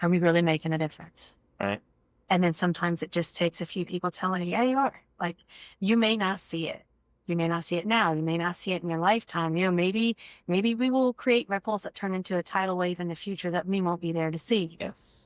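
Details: Adult woman speaking; fluent speech.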